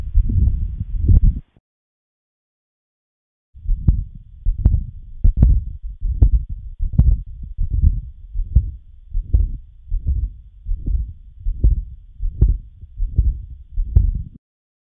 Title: Murmur 2